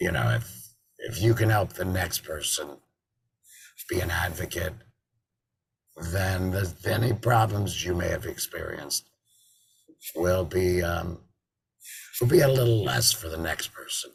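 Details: Tracheoesophageal speech from an adult man after total laryngectomy in February 2019, with a tracheoesophageal voice prosthesis (TEP) fitted in September 2019; he sometimes also uses an electrolarynx.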